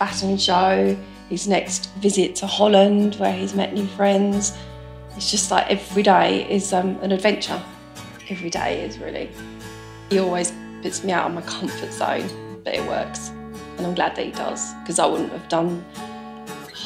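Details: Adult speaker; normal speech.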